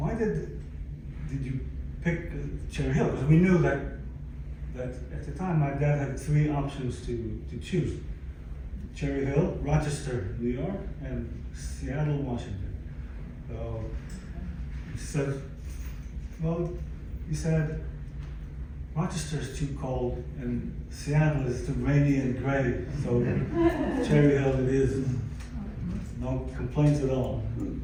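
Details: Adult man, 62, with aphasia acquired after a stroke in December 2011 that followed a cardiac ablation for arrhythmia; he describes loss of languages and speech and attends aphasia-center speech therapy; aphasia.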